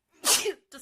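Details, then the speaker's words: Young woman sneezing while cleaning a dusty desk and dressing table. A single sharp, hissing sneeze burst with a brief voiced tail: a sneeze set off by dust; allergies and sinuses are tagged. "really oh so dusty um cleaning up better oh my God so dusty"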